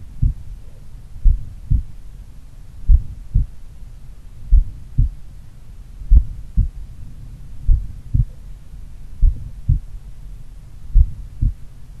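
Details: Adult doing regular daily cardio training, recorded in the morning at pulmonary, Erb's point or mitral site: slow, regular paired heartbeats about 38 a minute, clear first and second sounds, no extra noises; normal heart sounds.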